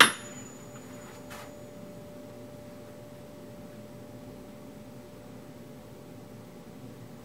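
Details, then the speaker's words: A struck tuning fork is placed on top of the head for the Weber bone-conduction test during an ear exam, giving a steady faint pure hum for several seconds; the patient reports hearing it more on the right. "I'm going to strike this again and put it on the top of your head and you should be able to feel it equally coming down to your ears and it's kind like a bone conduction"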